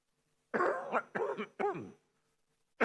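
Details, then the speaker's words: Three quick, voiced coughs in a row, then silence: a short dry-sounding coughing bout from an adult man mid-speech, which he blamed on speaking too energetically that morning. "Maaf tadi pagi agak semangat pidato saya."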